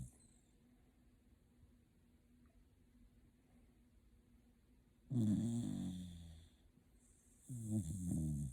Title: #shibainu #snoring ＃柴犬 ＃イビキ 気持ち良さそうに寝ている柴犬、そしてイビキをかく😁